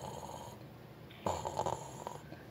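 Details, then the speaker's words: Man sleeping, one loud, rough snore mid-clip, a rattling burst lasting about half a second, with quiet room noise before and after; ordinary loud snoring. "ఆ గొరగ sound కి Xavier speakers capacity కూడా సరిపోదు. నోటికి plaster వేద్దామని అనుకున్నా కానీ ఆ note size కి ప్లాస్టర్ సరిపోలేదు"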